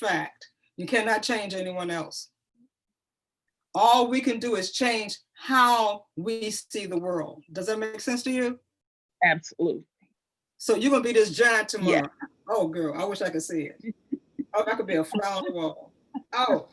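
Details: Adult women in conversation; normal speech.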